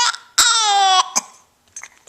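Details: Baby girl learning to talk, crying while frustrated by hiccups: a brief, high, sustained wail lasting over half a second, followed by short sharp catches.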